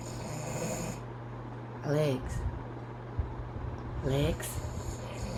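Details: Husband snoring while asleep in early morning: two rough, rattling snores about two seconds apart over steady room hum and a quiet voice.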